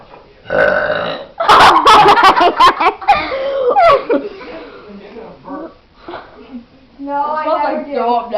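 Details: A girl burping: a long, loud, rumbling burp with several pulses, followed by talking and a laugh; ordinary belching.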